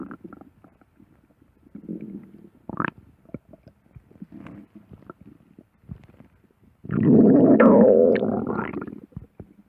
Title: Stomach growling ( vore audio) for @Brushathepaint #vore #audio #love #stomach